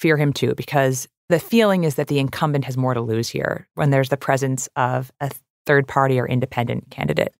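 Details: Adult speaker; normal voice.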